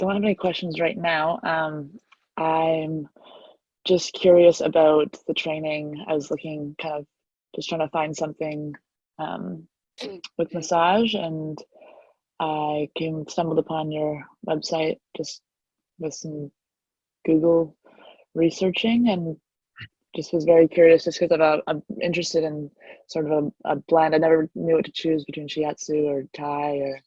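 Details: Adult speaker; normal voice.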